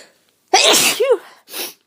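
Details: A person feeling run down and unwell, with some coughing, gives a single sharp, high-pitched sneeze with a brief inward catch before and a short breathy sound after; sneeze.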